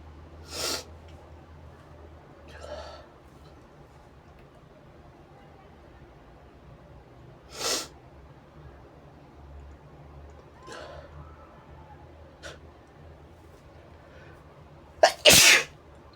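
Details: Deliberately provoked sneezing: several short sharp sniffs and bursts in a quiet room, ending in one loud explosive sneeze, induced by tickling the nose with a brush.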